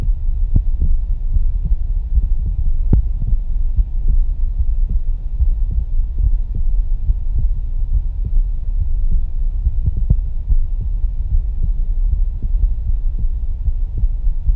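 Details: Live stethoscope auscultation of a person's heart moving through aortic, pulmonary then tricuspid areas: steady low thumps under a constant hum; lub-dub clearer at tricuspid; normal first and second heart sounds.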